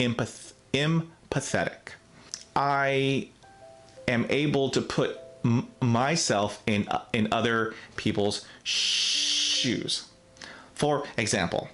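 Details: Adult man, real case, self-described person who stutters; stuttering.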